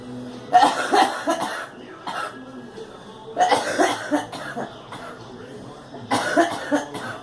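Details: Coughing, woman: three bursts of repeated coughing, each a run of several quick coughs, with quiet room noise between.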